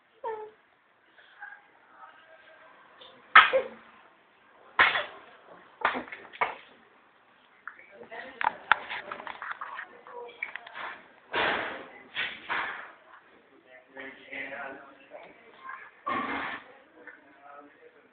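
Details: A young child babbles in short vocal bursts, trying to talk to an adult, then gives a sudden sharp sneeze.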